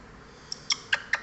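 Four quick, sharp, high-pitched puffs in about a second: a small bird sneezing.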